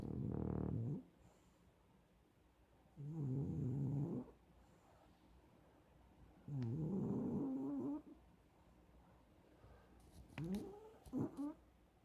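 Three rough, vibrating snores a few seconds apart, then a short irregular snort and sputter at the end. Ordinary snoring.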